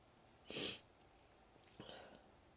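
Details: Deliberately induced wet sneeze, itchy and tickly after a long break from inducing: one hissing, spray-like burst of air, then a softer sniffling breath.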